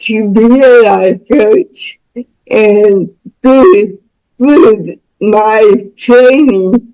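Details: Dysarthric speech in a woman about to turn 49 with lifelong cerebral palsy involving spasticity, born with the umbilical cord around her neck five times; doctors said she would never walk or talk.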